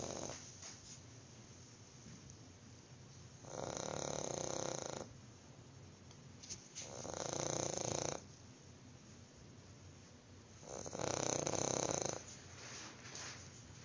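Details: Three long, rough, breathy snores about four seconds apart, with quiet gaps between: snoring in a sleeping dog.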